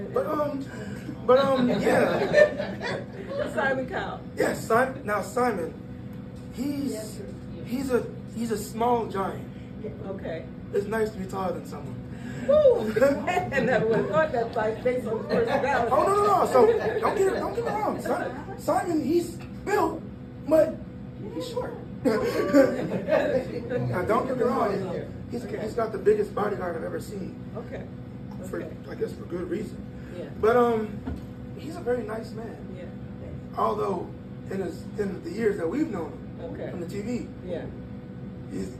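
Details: Breathy voice in a 22-year-old man from incomplete vocal cord closure, linked to extremely premature birth at about one pound, with lungs and vocal cords developing as he grew; the cords still don't close fully.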